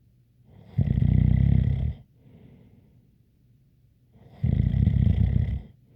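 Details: ASMR snoring recording with a light whistle: two loud, rattling snores on breathing in, about 3.6 seconds apart, with quieter breaths out, about 16 breaths a minute; snoring.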